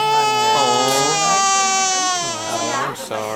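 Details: Sustained, strong crying with clear voiced wails and a brief catch near the end from a baby boy, born 8 lb 6 oz and 22 inches long, who has hiccups: infant cry.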